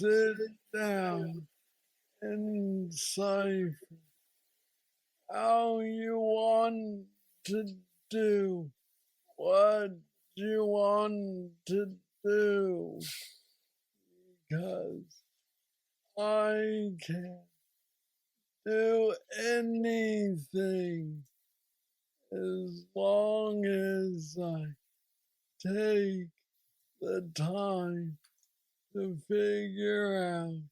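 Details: 46-year-old man with Parkinson's disease diagnosed at age 35, which he calls the most aggressive form; he has a deep brain stimulator implanted 2 years after diagnosis and mobility struggles; Parkinsonian speech (hypokinetic dysarthria).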